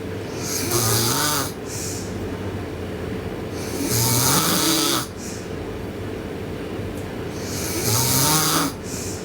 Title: Sleeping Girl Loud Snoring